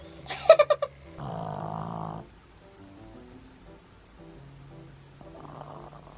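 A sleeping dog gives two rough, rattling snores about four seconds apart, with soft background music: ordinary dog snoring.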